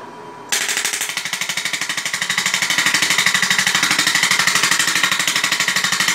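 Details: Shockwave therapy machine (SW7) firing during cellulite treatment: rapid, regular sharp tapping pulses, about three per second, after a brief quiet start, the impacts displacing air.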